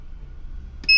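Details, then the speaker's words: Short high electronic beep as the start key is pressed on a dual-probe LCD physiotherapy laser therapy unit (750 mW, 910 nm pointed and cluster probes), over quiet room hum; device key beep. "Now it's asking to press start key. I've just pressed the start key. I'm increasing the timer."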